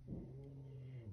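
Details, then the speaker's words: Snoring from a pet sleeping nearby in the room, faintly audible in the background. "if you hear that noise that is otis snoring i don't know if you can hear it or not"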